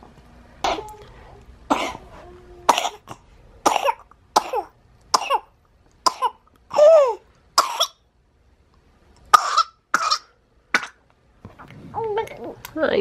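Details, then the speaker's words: Sick infant boy with bronchiolitis, fever down, lots of snot and coughing: about a dozen short, separate coughs with brief whimpering; cough. "can you hear his nose sound good for age we love you boy"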